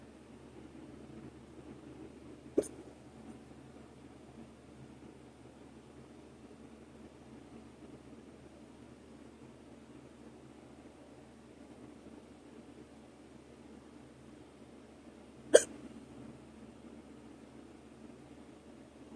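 Two sharp, brief hiccup clicks about thirteen seconds apart against a quiet room hiss; hiccups.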